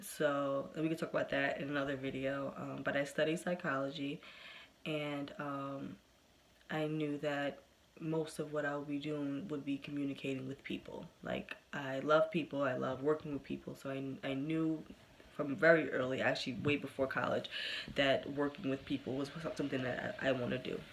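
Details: Developmental stuttering in an adult woman, present since early childhood and persisting into adulthood, with good and bad days.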